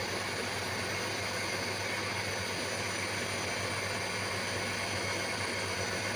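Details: Steady mechanical hum with low buzz and airy hiss from a running nebulizer compressor, used at home for a patient with persistent dry cough for several days despite medication.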